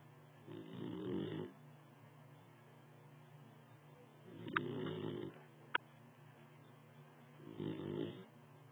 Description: Forrest, a 4-month old Basset Hound, snoring on dad's lap